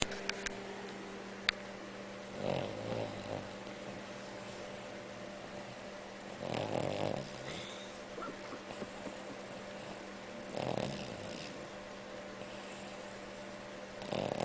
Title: Snoring